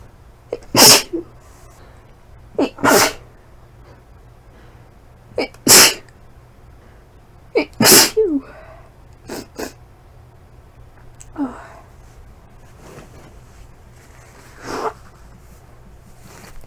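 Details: Deliberately induced sneezing after a month of not inducing: about six forceful sneezes, several with a quick double burst, then weaker sneezes and sniffs.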